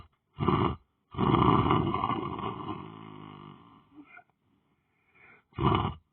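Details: Person lying on the floor sleeping: loud, rough rattling breaths, one long drawn-out snore between shorter bursts, in a quiet room; snoring.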